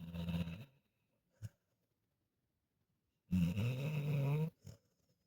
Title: snoring like he worked all day